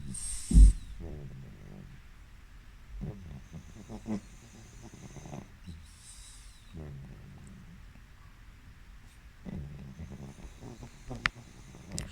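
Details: Low, snorting breaths roughly every three seconds, about 20 a minute, from a pug sleeping during a power nap: snoring.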